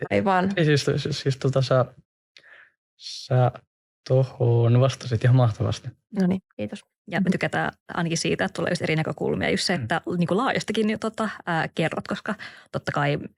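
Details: Stuttering in a podcast co-host who stutters, with word repetitions and long pauses.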